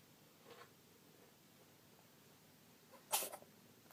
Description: ちいさい黒猫、ベイビーのくしゃみ